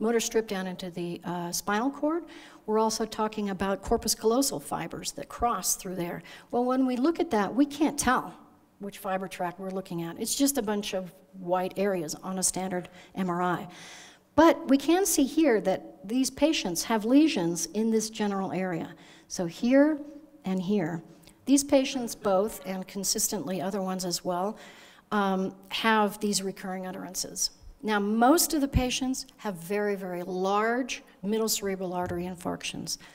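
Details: Adult woman lecturing; normal speech.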